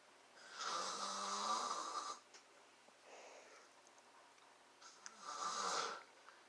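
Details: Father asleep filmed snoring: two loud, rattling snores on the in-breath with a quieter breath out between, in a quiet room.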